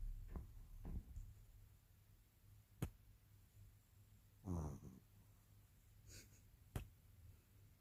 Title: Snoring puppy #2